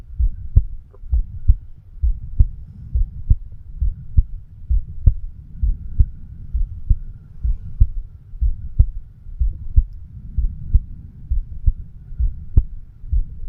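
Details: A 36-year-old male records his own heart at the mitral (bicuspid) valve area with a homemade microphone stethoscope: steady, low thumps at about 66 beats a minute over a faint hum; heartbeat.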